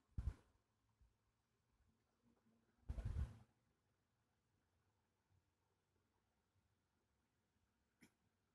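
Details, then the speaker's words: Two soft, muffled coughs a few seconds apart in a quiet room from an adult woman sleeping sitting up in bed, a position used to ease persistent night-time coughing. "Oke, baru saja beliau terjatuh, maksudnya ya, nah itu batuk."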